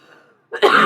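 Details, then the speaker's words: Adult livestreamer coughing, who says the cough is no longer bringing anything up: a single sharp, forceful cough after a brief quiet moment, cut off at the end. "oh please don't mind me it's just a cough there's nothing else going on I'm not even coughing anything up anymore"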